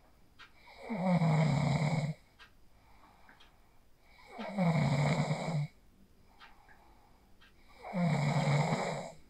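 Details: Person asleep after practising the 4-7-8 breathing technique, recorded on a phone: three steady, deep snores with faint breathing between, about 16 a minute; regular sleep snoring.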